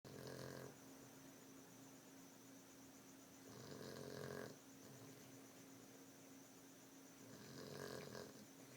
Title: Snoring Dog